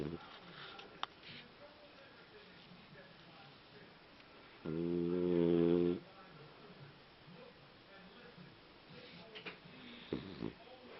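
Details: A sleeping fox terrier gives one long, buzzing, rattly snore against quiet room noise with faint clicks; snoring.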